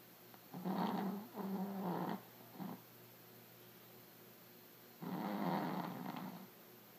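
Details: A daughter snoring: rumbling, purr-like snores, a few short bursts close together, a pause of a few seconds, then one longer snore; ordinary snoring.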